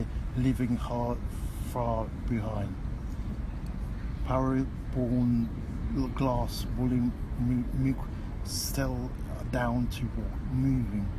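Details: Adult with aphasia after stroke or brain injury, reading a story aloud before intensive aphasia therapy, with jumbled words and hard-to-follow sentences; finding: aphasia (paralexic reading).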